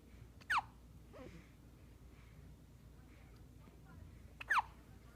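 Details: Newborn baby girl with hiccups: two sharp, brief voiced hiccup sounds about four seconds apart against quiet room noise.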